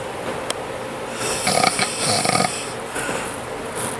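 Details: One loud, rattling snore on a single breath while someone else wrecks the house; plain snoring.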